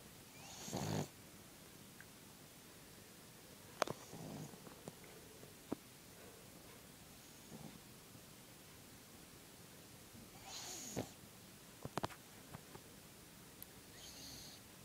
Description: My pug's snoring at loud while sleepin' lol